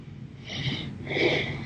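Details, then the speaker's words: Person with a breathing problem occurring episodically for 5 years, sometimes much worse and very hard to breathe, going on all day, with nothing helping: two loud, harsh, snorting breaths in quick succession. Episodic breathing difficulty. "happens a lot for 5 years. Sometimes this gets a lot more, then it's very hard for me to breathe. It's been like this for 5 years."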